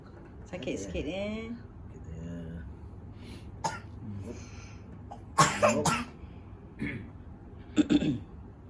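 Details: Chronic cough of about a month, recorded during nerve therapy: several short, weak coughs and throat clearing with voiced sounds between, a persistent cough that does not fully clear.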